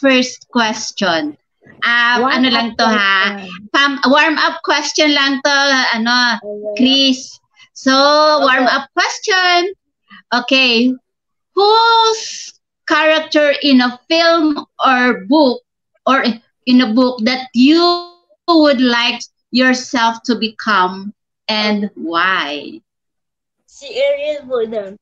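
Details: Adult or older child speaker, female-sounding voice; ordinary speech.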